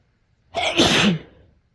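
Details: One loud sneeze with a short in-breath before it and a sharp, hissing burst in a quiet room, from a sneeze compilation recorded mostly while sick with a cold; some sneezes induced.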